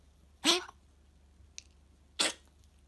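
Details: Female apricot toy poodle puppy, 61 days old, with contagious bronchitis diagnosed by a vet, improved on medication: two short, sharp sneeze-like bursts, sneezing and coughing of kennel cough.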